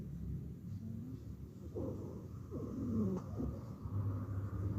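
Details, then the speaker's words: Wheezes in a teaching series of abnormal respiratory sounds: breath sounds with brief musical, whistling tones over a low, rumbly background, produced by vibration of narrowed airways. "sonido se presenta por vibración de vía aérea estrecha"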